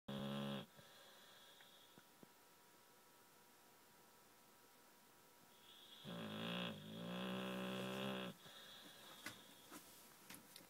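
Two long, rattling snores with a buzzing, tonal quality, separated by a quiet pause; dog snoring during sleep.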